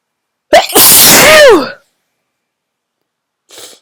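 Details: Very strong sneezes, hard to announce: a sharp intake, then one loud explosive sneeze ending in a voiced cry, followed by a soft sniff; forceful sneezing.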